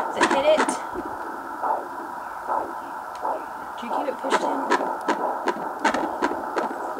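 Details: Pregnant woman using a home BabyBeat 3 MHz fetal Doppler on her abdomen while the baby keeps moving: fast rhythmic whooshing pulses through hiss, about 150–160 per minute; fetal heartbeat.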